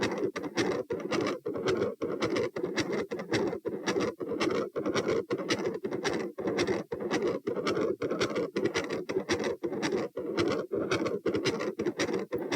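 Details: Heart recorded at position P, standing: separated S1, S2 merge into a harsh, rumbling continuous machinery murmur focused over S2, sustained minutes before S1/S2 return; possible patent ductus arteriosus, or aortopulmonary window or collateral vessel.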